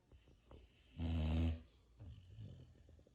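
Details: Boxer dog snoring while asleep after Christmas Day: a deep, rattling snore on one breath in, between quiet snuffly breaths.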